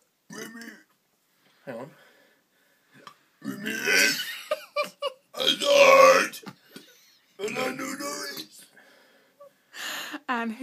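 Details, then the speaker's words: Long, loud, voiced belches stretched out while words are formed through them: a deliberate burp-talk reciting a Chelsea football lineup, not a sign of illness; burping. "going to burp us his top chelsea lineup here you go jack cole terry louise"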